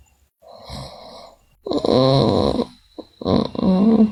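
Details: Sleeping girl snoring: soft breathy inhalation followed by louder rough vibrating snores with a moaning quality during sleep.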